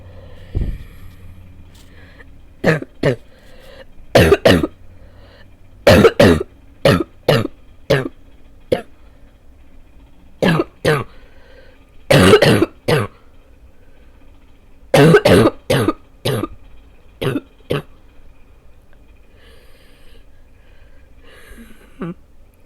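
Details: Repeated harsh coughs in clusters of two to five: a lingering barking cough left after about two weeks of illness.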